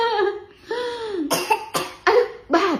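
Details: Toddler gives a few short, voiced coughs mixed with playful sing-song vocal sounds while adults note he is still coughing; cough.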